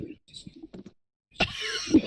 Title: cough cough